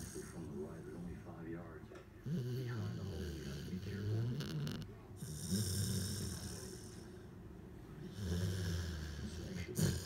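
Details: Low rumbling snores with each breath from an English Springer Spaniel, asleep in an awkward position after a tiring hike, over faint background talk; snoring.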